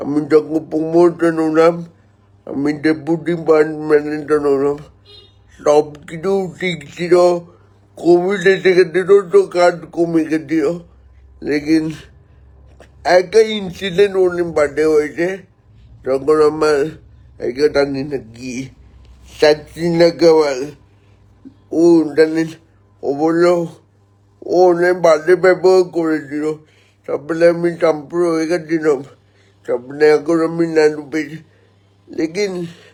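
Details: Adult man born 1988 speaking Bengali, with spastic cerebral palsy from oxygen lack at birth, about 70% motor nerve damage affecting both hands and legs; dysarthria in cerebral palsy.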